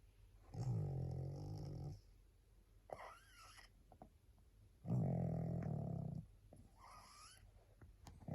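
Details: Steady low rattling snores on each in-breath with softer wheezy out-breaths, about 14 breaths a minute, from a tired, sleepy female pug; snoring in a flat-faced dog.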